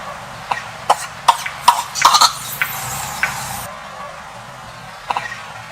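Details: A run of about eight short, sharp, dry coughs, then quieter coughs after a pause, from an old male monkey coughing loudly while sleeping; cough.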